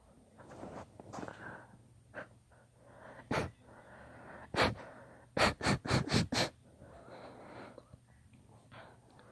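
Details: Long induced sneezing fit: a run of about eight rapid sneezes, several in quick succession, with gasping breaths and sniffs between them.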